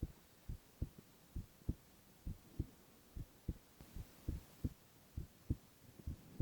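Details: Male ASMR recording of his own heart: regular paired lub-dub beats at about 70 per minute over soft room hiss; normal heart sounds.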